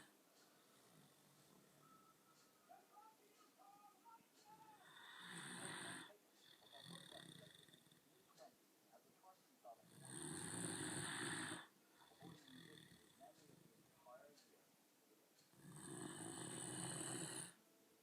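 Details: Loud, rough snores about every five to six seconds, roughly 11 a minute, with quiet breathing and faint room noise between them; snoring.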